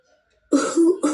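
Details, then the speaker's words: Smart speaker (Alexa) asked to cough plays a sound effect: silence, then two short cough-like bursts, simulated rather than a real cough. "Alexa, cough."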